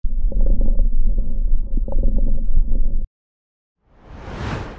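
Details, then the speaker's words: Quiz recording of coarse crackles: low, bubbling, popping crackles through the breath sound, pointing to fluid or secretions in the airways. "Questino 4 Jawaban yang benar adalah Kresek Kasar."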